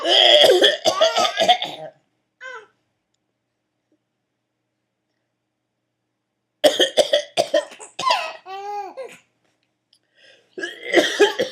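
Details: Adult man (a father) coughing: bursts of repeated, plain coughing separated by silence, with his baby laughing in between.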